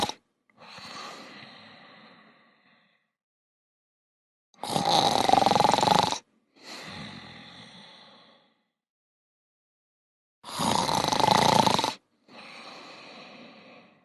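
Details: Snoring during sleep at night, tractor driver's life: loud, rough snoring inhalations, each followed by a softer exhalation, about 10 cycles a minute with silence between.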